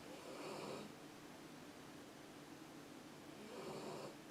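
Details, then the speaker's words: Dog sleeping in a crochet workshop, snoring softly: two rough, noisy snore sounds a few seconds apart in a quiet room. "Alors je sais pas si vous allez entendre, mais il y a mon chien qui dort dans mon atelier, il ronfle."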